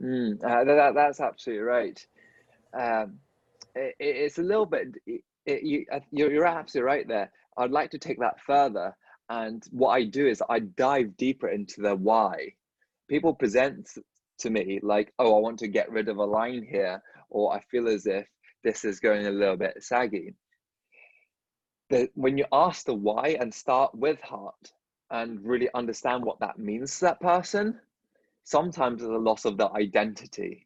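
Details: Dentist who stutters, speaking in a podcast conversation with another dentist who stutters; stuttering.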